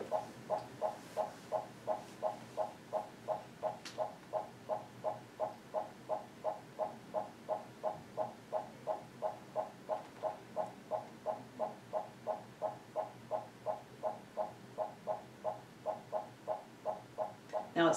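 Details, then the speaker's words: Fetal heart rate during a reactive non-stress test, baseline in the 140s with average variability: rapid, regular whooshing beats near 170 a minute easing back after an acceleration; fetal heart rate returning to baseline after acceleration. "we're going to watch it for just a minute and see if we have any accelerations any earth maybes currently doing and you can hear the heart rate go up and now you see a fetal acceleration this acceleration"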